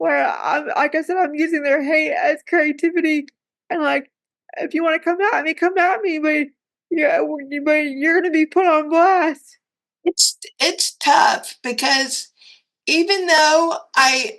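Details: Dysarthric speech in a woman with cerebral palsy who reports that talking is hard for her.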